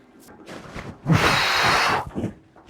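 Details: Acted snoring in a staged Bengali family drama: the daughter-in-law naps at an odd hour, tired after washing, sweeping, mopping and cooking, while her mother-in-law complains.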